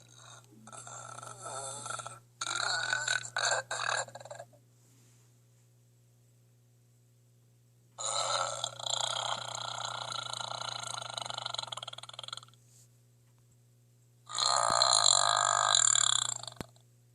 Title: Me burping #2